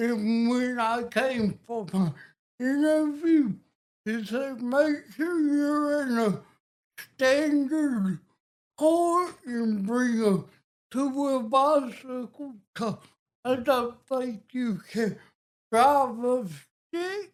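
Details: Adult man with cerebral palsy and a speech impediment since childhood; he says people say they cannot understand him: dysarthria (cerebral palsy).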